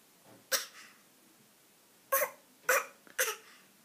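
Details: Dog with a bad cough, recorded 14 Sep 2013: four short, harsh, explosive dry coughs separated by brief pauses in a quiet room.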